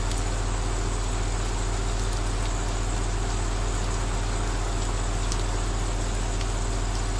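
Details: Compressor aerosol nebulizer running for a 2-hour relaxation recording with rain outside: a steady low motor drone with fast, even pulsing and a soft hiss.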